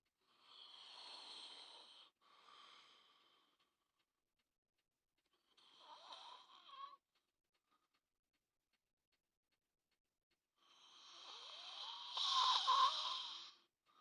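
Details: Three long, rough, rattling snores separated by quiet pauses, the last one loudest.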